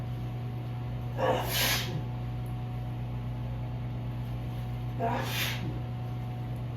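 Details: Allergic sneezing, meds wearing off, after exposure to cool breezy ragweed-filled evening air: two sneezes, each a sharp inhaled catch then a hissing burst, over a steady low room hum.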